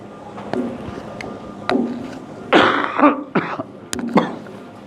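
An adult man gives a few short coughs and throat clears in a quiet room.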